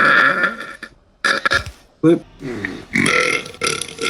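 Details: Burping compilation: several loud, drawn-out throaty belches with brief gaps between them, repeated burping.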